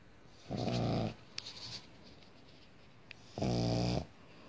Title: World's Most Adorable Snoring Pug